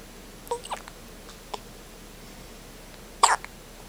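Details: 24-hour-old newborn with hiccups: brief, sharp, throaty bursts a few seconds apart against quiet room noise; hiccups.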